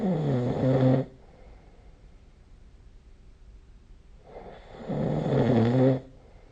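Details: Two loud, rough, rattling snores on breathing in, separated by about three seconds of quiet, in a small room, recorded with the SnoreLab app during sleep: snoring.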